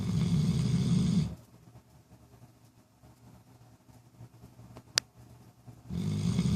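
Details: Sleeper, recorded days before later having seizures: two loud, rough, low snores about four seconds apart; snoring during sleep.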